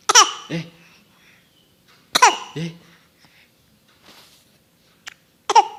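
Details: Young child's cough: three short coughing bursts with a voiced, squeaky, almost laugh-like quality, separated by quiet pauses.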